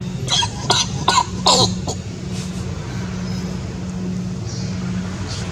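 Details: Animal named Duchess coughing very loudly while her young one, Destiny, seems worried: four loud, harsh coughs in quick succession over steady background engine hum; cough.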